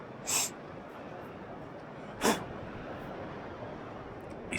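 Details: Two short, sharp, hissing sneeze bursts about two seconds apart over quiet room noise, after taking a very coarse, sneezy coffee-flavoured snuff (Samuel Gawith Black Arabica).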